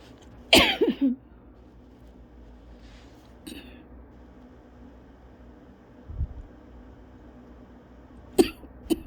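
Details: Adult with cough-variant asthma, recovering from bronchitis a couple of weeks earlier, gives short, dry coughs several times in nine seconds: persistent dry cough.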